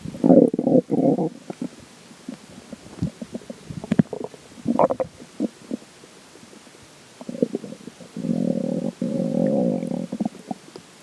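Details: Stomach growling (borborygmi) after drinking water: low gurgling rumbles, bubbling pops and long drawn-out growls.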